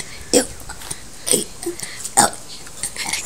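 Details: Person deliberately burping the alphabet: three loud, voiced burps about a second apart; voluntary belching.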